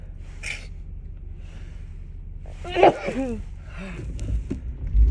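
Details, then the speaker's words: Repeated allergy sneezes one morning, which come especially in the car: a sharp explosive sneeze with a gasp beforehand over a low car rumble; sneezing. "I just can't stop sneezing this morning. Here comes another one, I think."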